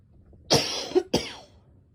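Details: Girl coughing; two short, harsh cough bursts in a quiet room.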